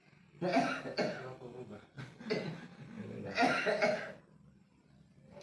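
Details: Three loud, harsh cough bursts from an adult, with quieter throat-clearing between them, in a small room; cough.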